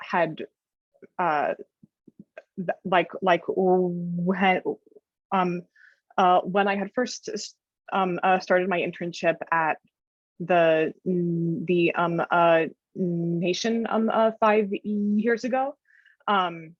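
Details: Adult woman who stutters and reports that her stutter becomes severe in some situations: stuttering.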